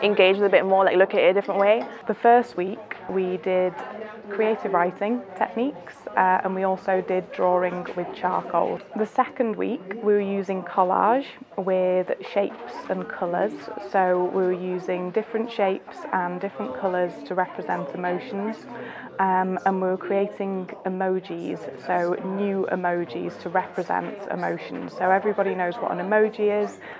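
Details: Adult woman speaking; no speech disorder.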